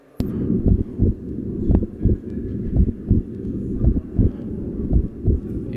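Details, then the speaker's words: Adult man's heartbeat captured remotely without contact by a biometric sensing device in a live demonstration: steady paired low thumps at about 57 beats a minute over a low hum. "you can hear his heartbeat sound we can capture his heart beat sound from remote and you can listen it to it in real-time"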